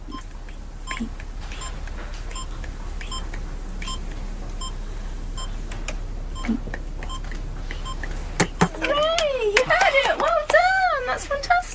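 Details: Short test beeps repeat in a quiet room, then a young child vocalizes loudly; cochlear implant switch-on test tones for a deaf daughter.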